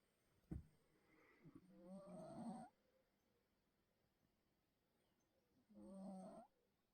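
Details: Sleeping Bengal cat snoring like a baby elephant: two soft, rasping, trumpet-like snores about four seconds apart with quiet pauses between breaths: snoring.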